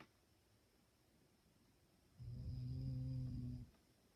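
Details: A dog sleeping and snoring peacefully.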